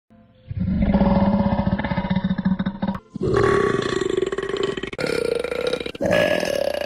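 Several long, low, voiced croaking bursts with short breaks between them, consistent with a run of loud burps.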